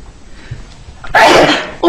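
Quiet buildup, then one sudden loud explosive burst of air through the nose and mouth, with a second starting at the end; a sneeze.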